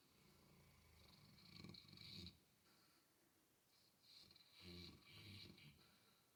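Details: Mastiff dog snoring while asleep and apparently dreaming and wiggling: soft, low rumbling snores with a faint whistling edge, about 19 breaths per minute, in a quiet room.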